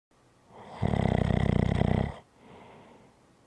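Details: Adult snoring, one loud, fluttering, rattling snore on the in-breath, followed by a softer out-breath; heavy snoring.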